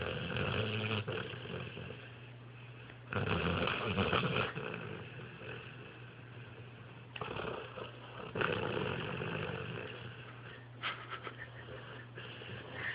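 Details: A pit bull dog snoring.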